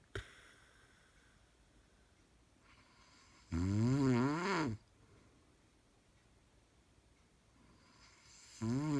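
Loud, buzzing snore lasting about a second on the in-breath, with quiet breathing between and the next snore starting at the end; ordinary snoring.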